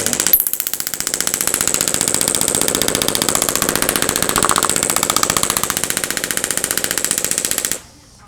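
Loud, fast, steady rattling pulses, close to four a second, stopping abruptly near the end: an acoustic shockwave therapy device running.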